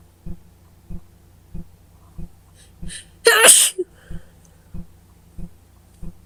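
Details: Person with a worsening cold, slight fever and itchy nose sneezing: a single loud, sharp sneeze with a quick intake of breath before it, over a faint steady ticking in the background.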